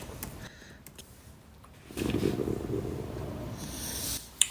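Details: Very loud stomach growling (borborygmi) from a hungry woman with a big belly: gurgling rumbles.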